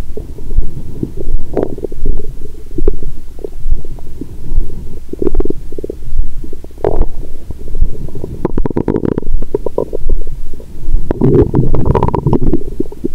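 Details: Adult woman's abdomen through a stethoscope after a Christmas dinner with wine that followed a 22-hour fast, period due that day: near-constant low gurgling and rumbling with frequent bursts, active bowel sounds.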